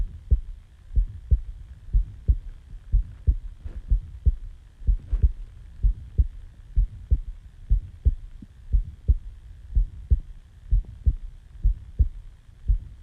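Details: Own heartbeat recorded just after waking from sleep: steady lub-dub at about 62 beats a minute, clear paired beats with light background hiss; normal heart sounds.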